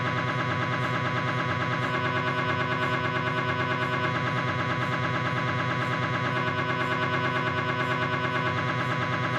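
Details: Knee MRI scan on a Philips 1.5T scanner during a proton density sequence: steady, rapid buzzing knock, about three pulses a second, from gradient noise.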